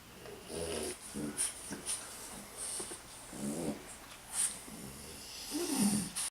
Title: French Bulldog Nikki snoring